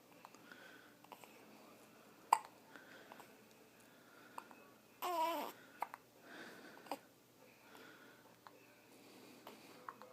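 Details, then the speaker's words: Tiny baby boy with hiccups: soft baby sounds in a quiet room, broken by a few sudden, sharp hiccup catches. "He's alright. You got the hiccups, boo."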